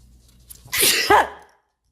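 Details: Sneeze from a person with a runny nose: a short intake of breath, then one loud explosive sneeze that trails off into silence.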